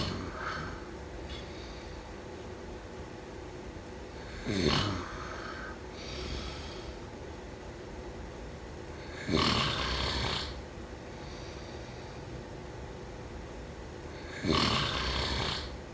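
Snorting, rattling snores on breaths in, about 12 a minute, with faint breathing between; steady room hum behind.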